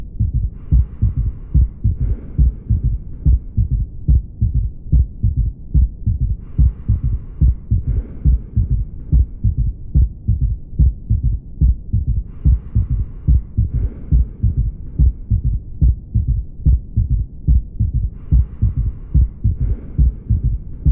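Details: Heart auscultation with a steady rhythm near 71 a minute and an extra soft, low thud after the second sound; a third heart sound (S3) giving a gallop rhythm.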